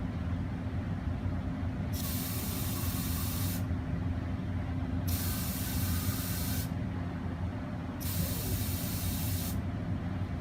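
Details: Steady low machine hum with three regular bursts of hissing airflow, each under two seconds, from a homemade ventilator prototype (air blower, regulator at 4 bar) delivering air into the tester's mouth against back pressure.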